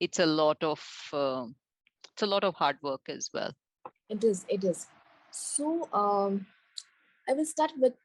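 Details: Adult woman speaking (interviewer); normal speech.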